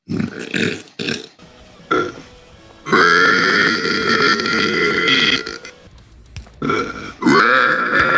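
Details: Burping compilation: several loud, prolonged, gurgling belches of air brought up from the stomach, with music in the background.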